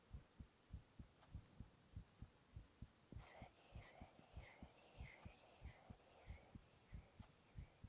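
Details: Adult male's heartbeat recorded in a whispered ASMR recording, steady paired low thumps at about 100 a minute, with soft whispered onomatopoeia over the second half.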